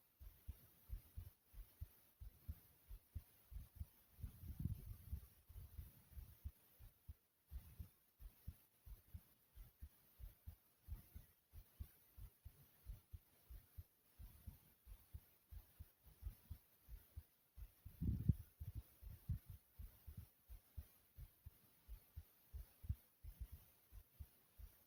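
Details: Own heartbeat, thumping loudly: a steady run of strong, low heart thumps with brief bursts of rubbing noise.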